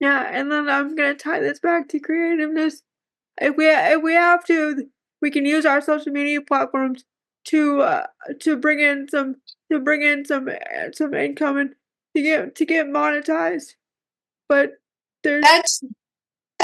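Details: Woman with cerebral palsy who says talking is hard for her; speech difficulty with cerebral palsy.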